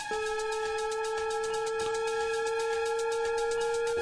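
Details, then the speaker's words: Defibtech Lifeline DDU-100 AED demonstration after pads applied and "shock advised": steady high-pitched electronic tone for several seconds as the defibrillator charges, before prompt to press the flashing shock button. "shock advised charging stand"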